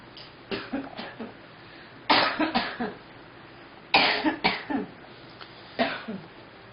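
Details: Girl coughing: four bouts of short, repeated coughs in a quiet room, each bout two to four coughs.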